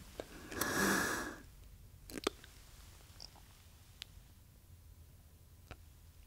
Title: MDI - Metered Dose Inhaler